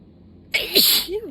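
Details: Sneeze during a sudden sneezing fit: a sudden loud, hissing sneeze burst after a quiet moment, ending with a vocal exclamation.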